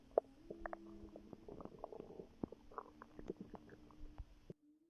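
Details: Bowel sounds from a pregnant woman's abdomen before contractions began: frequent gurgles, pops and drawn-out tonal rumbles, active stomach growling (borborygmi).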